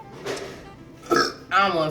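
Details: A short, voiced adult belch after drinking soda in a name-brand vs off-brand pop taste challenge, with faint music and brief vocal sounds around it.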